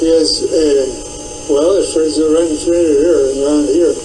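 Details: Patient with Wernicke's (fluent) aphasia, including difficulty understanding speech, in a session with a speech therapist.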